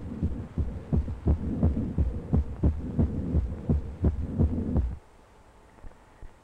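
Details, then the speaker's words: Regular low thumps of a beating turtle heart used in a 1937 heart physiology film demonstration, fading out near the end, over a faint hum. "this lead of about 70 per minute is normal for the average adult at rest during and for a time after exercise however the heart pumps much faster"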